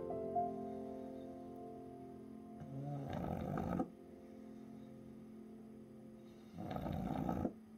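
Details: Sleeping pug snoring: two long, raspy snores about three and a half seconds apart over soft piano music.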